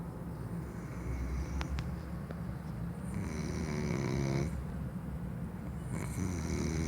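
Continuous low, fluttering snoring that grows louder on each breath in, over a steady background hum.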